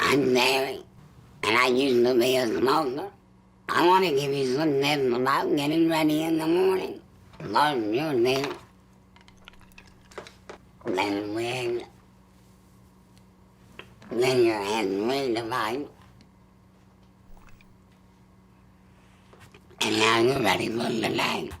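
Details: Woman, former smoker of 23 years, with a total laryngectomy in January 2002 for laryngeal cancer; radiation prevented placing the device on her neck, so she used an electrolarynx via a mouth straw, later a hands-free stoma device; electrolarynx speech.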